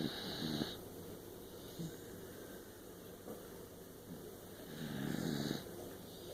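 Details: Snoring: soft, low rumbling snores recurring over several seconds against steady room noise.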